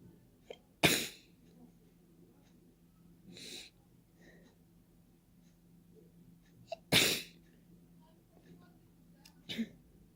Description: I tried to sneezes without using a tissue at all. It was veeery messy... Many sneezes had flown into the open air!